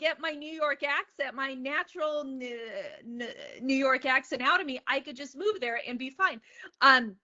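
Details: Stuttering in an adult woman, onset at age eight; open about her stutter.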